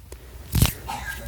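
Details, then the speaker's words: Single muffled cough from a distance, from the speaker's brother, who is asleep and expected to wake soon, heard as one brief burst over low room hum and passing cars: cough. "Oh, there was another cough. He's probably going to be waking up soon, so I really should end this."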